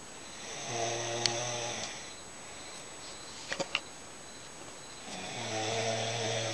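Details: Mother snoring in the dark at 6:40 in the early morning: two long, low, rattling snores on inhalation with a quiet pause and a few small clicks between them.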